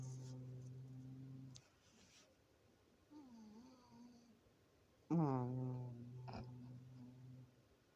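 Low, buzzing, droning snores with a softer tonal sound between them in a quiet room.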